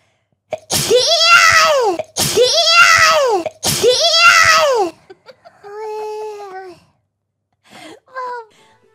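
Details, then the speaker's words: Three identical high-pitched, voiced sneezes followed by cute vocal noises from a VTuber, part of six sneezes counted; acted sneeze. "that's six sneezes that's a lot of sneezes okay"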